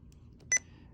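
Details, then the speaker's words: Single short confirmation beep as a key is pressed on an IV infusion pump in a training demonstration, titrating a non-weight-based epinephrine infusion (4 mg in 250 ml normal saline) from 1 to 2 micrograms per minute; infusion pump keypress beep. "and hit okay now we're at two and we can continue to titrate that until the patient's blood pressure improves"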